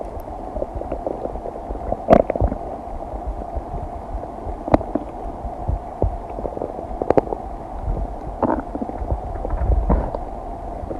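Scattered gurgles and bubbly pops over a steady background hum; everyday digestive bowel sounds.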